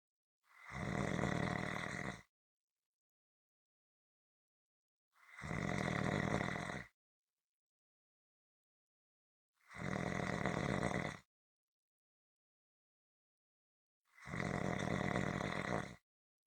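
Four loud, rough snores about every 4.5 seconds, roughly 13 a minute, with silence between them. Steady, rhythmic snoring.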